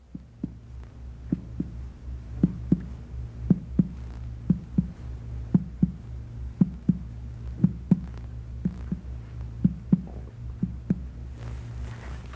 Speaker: percuss the span of liver dullness in the right midclavicular line from an area of tempany well below the expected liver percuss up to the lower border of liver